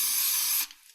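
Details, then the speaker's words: Brief hiss of ethyl chloride cooling spray, under a second, on cleaned skin of the wrist/hand just before local anaesthetic and hydrocortisone joint injection. "and then it becomes no touch and then using ethyl chloride as an initial spray just prior to the"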